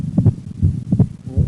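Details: Heartbeat near 80 a minute with a doubled second sound: split S2 due to right bundle branch block.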